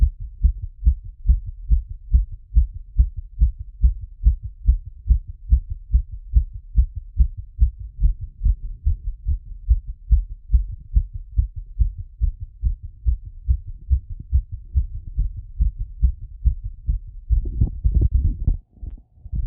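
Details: Heart auscultated through a stethoscope after a workout plus squats: fast, regular heartbeat about 140 beats a minute; brief rustle near the end.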